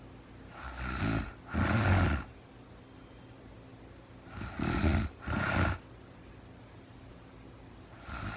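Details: Real-time recording of a woman asleep at night after being very tired, no talking, described as REM sleep: paired snores, a rattling draw then a second push, repeating about every four seconds; snoring.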